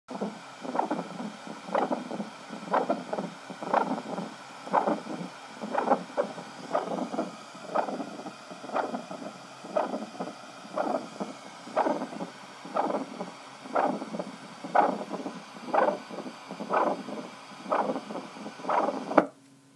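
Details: Subsonic stethoscope recording: light modulated by cardiac motion at the chest wall converted to sound; regular low-frequency thumps about 60/min showing two forward motions, PMI (isovolumic contraction) and LV recoil (isovolumic relaxation); normal left ventricular apical impulse.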